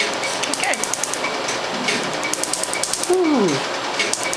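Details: Q-switched Nd:YAG laser removal of a few-years-old black professional tattoo on the leg of a white male: rapid sharp snapping pulses with talk and music; the patient says it hurts more near the bone on the inner leg.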